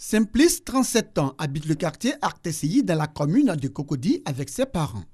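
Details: Adult female narrator; normal fluent speech.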